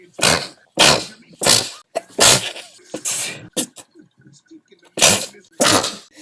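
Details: Compilation of a woman's lifelong unusual sneezes, sometimes mistaken for laughing or coughing: about seven sharp, explosive sneezes in quick succession with brief quiet gaps.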